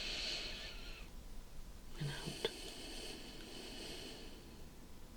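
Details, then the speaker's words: Simulated doctor checkup roleplay: the patient takes deep breaths in and out on request, soft and airy, with no crackles or wheeze; lungs judged clear: normal breath sounds. "Okay, so that is wonderful. Your heart sounds nice and strong, nice beats, okay? Mm-hmm. And your lungs actually sound really clear. Okay. Alright, no crackling or anything like that."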